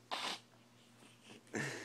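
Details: A sharp sneeze burst, then a brief quiet gap and a second sneeze starting, in a small room; sneezing.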